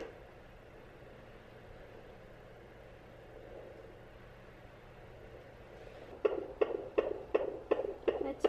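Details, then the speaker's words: Fetal heartbeat on ultrasound Doppler in a pregnancy where the baby girl was diagnosed with alobar holoprosencephaly and trisomy 13 at about 12 weeks; rapid, regular, strong whooshing thumps around 160 beats a minute. "one strong heartbeat"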